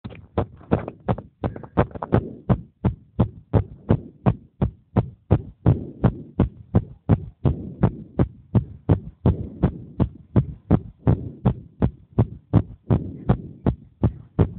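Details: Racing heartbeat of a 10-year-old child: rapid, regular low thumps at about 165 beats a minute; fast heartbeat after exertion.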